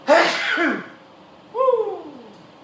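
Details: A single loud, explosive adult male sneeze with a voiced tail and a brief falling vocal sound, one of four sneezes in under two minutes during a sneezing fit.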